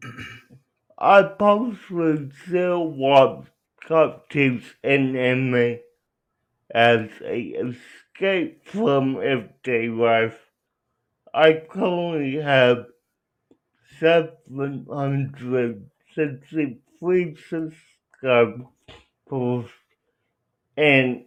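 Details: Adult man with cerebral palsy, real patient answering interview questions; dysarthria (cerebral palsy).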